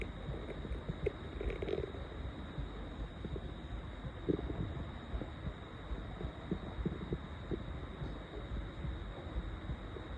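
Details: Loud hunger stomach growling at 7 am after over 20 hours without food, audible without a microphone: continuous low rumbling with scattered gurgles over a steady room hum.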